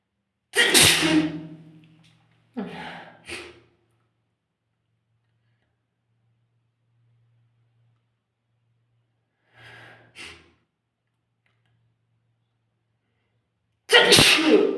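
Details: Strong sneezing: several sharp, explosive bursts of air with short breaths between them in a quiet room.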